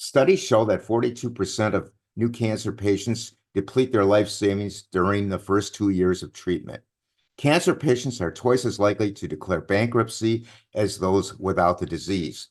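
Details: Adult male speaker; ordinary speech.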